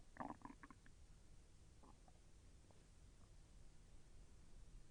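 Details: Stomach sounds during digestion, with intestinal movement felt as slightly painful: soft gurgling and bubbling over a quiet background; ordinary bowel sounds.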